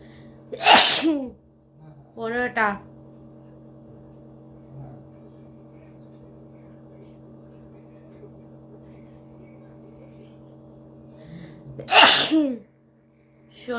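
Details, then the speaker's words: Adult woman's deliberately provoked sneezing, around sneezes 14–17 of a sneezing challenge: two sharp, explosive sneezes with a short voiced sound between, over low room hum. "বন্ধুরা তোমাদের অনুরোধে আমি আর একটা part করেছি হাঁচির video. এখানে আমি 17টা হাঁচি দিয়েছি।"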